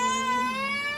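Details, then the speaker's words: Baby's pain cry during a brief procedure on the ears, with an adult counting one-two-three and likening it to an ant bite: a sustained, high, tense wail. "It's okay yung ears niya it's okay it's just a bite of a ant Just It's just like a bite of what"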